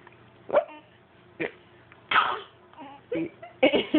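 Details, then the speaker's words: Person with hiccups: brief sudden voiced hic sounds recurring irregularly, about six in four seconds, over light background talk; hiccups. "The hiccup cousin. She's like back to back, so she's like, party here."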